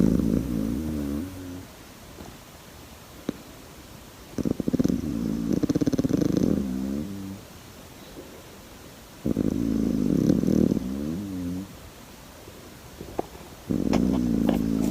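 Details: Deep, rumbling, throaty snores in repeated long bursts separated by a few seconds of quiet, four snore bouts, from a sleeping koala in a rescue setting.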